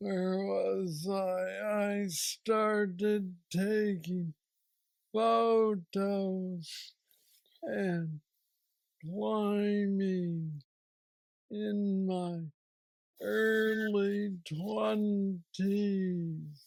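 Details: Man aged 46 with aggressive Parkinson's disease diagnosed at age 35, worsening since, treated with an implanted brain neurostimulator; real patient with Parkinsonian speech (hypokinetic dysarthria).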